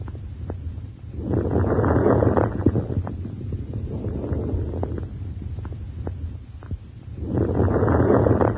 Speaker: For example, you may hear crackles during inspiration. These discontinuous sounds may be high-pitched fine crackles